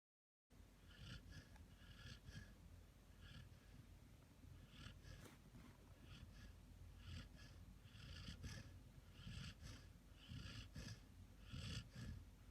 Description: This video is about Bernese Mountain Dog Snoring after a Hard Day Of Play and Beautiful Dreams.